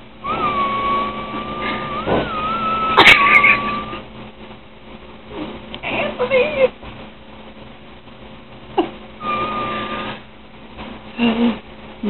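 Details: A sleeping adult woman gives a steady high whistle on the breath instead of an ordinary snore: whistling snore.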